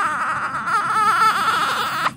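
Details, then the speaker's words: Newborn girl, one week and one day old, in the NICU, crying during her first bath and diaper change; steady, high-pitched wavering cry with a strong clear voice, ending abruptly: newborn cry. "oh no you just don't want nobody messing with you you're not going to hold me or feed me leave me alone huh"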